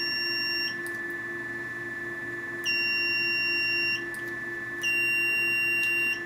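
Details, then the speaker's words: Venus Viva skin rejuvenation device used on the face at the jawline and cheek: steady electronic tone in timed stretches of a second or more marking the end of each treatment pulse over quiet background hum; device beep. "you'll notice the light on the candy felt light up and tells me when it's complete but the sound also tells me when the pulse is complete"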